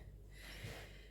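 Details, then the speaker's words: Snoring from a sleeping 10-year-old female dog indoors: a brief low, rough snorting breath, one loud snore; the owner says she snores constantly lately. "je pense que vous allez entendre les ronflements ça ne fait que ça en ce moment elle dort elle dort elle dort elle ronfle elle ronfle elle ronfle"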